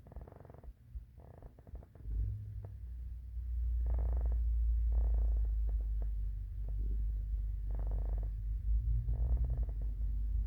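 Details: Morning hunger stomach growling: low, drawn-out rumbling and gurgling in pulsing bursts; normal borborygmi.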